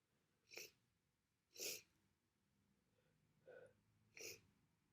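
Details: Person with a bad cold: four short, hissy nasal bursts, two sharper and two softer, in a quiet room; sneezing and sniffling with nasal congestion, some coughing noted.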